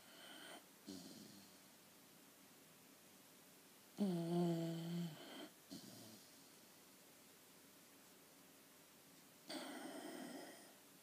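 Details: Snoring: slow, soft, rough breathing noises about every five seconds, one with a low whistling tone, in a quiet room.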